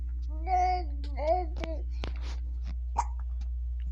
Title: Baby has hiccups